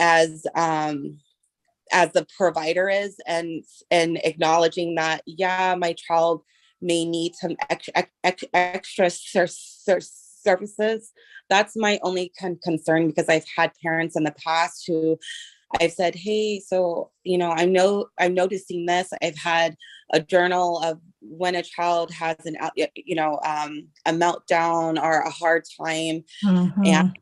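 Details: Adult woman, a parent and home child care provider, who says she stutters, asking a question in a meeting; stuttering.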